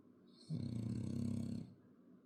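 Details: Snoring French bulldog: a single rumbling, fluttering snore on one inhaled breath, about a second long, in a quiet room.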